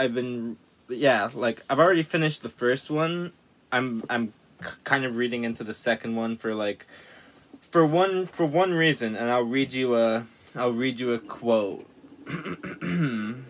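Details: Stuttering in a man who self-reports a severe stutter that often forces him to refilm; real speech.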